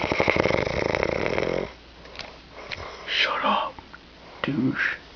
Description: My brother taped me snoring